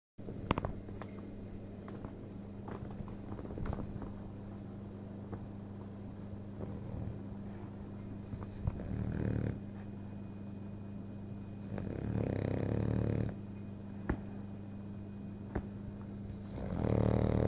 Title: Kika - French bulldog snores and dreaming